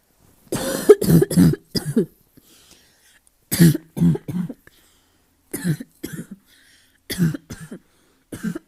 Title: Asthma cough, barking cough